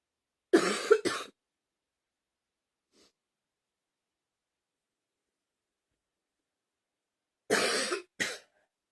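Two pairs of harsh double coughs separated by a long silence; repeated coughing.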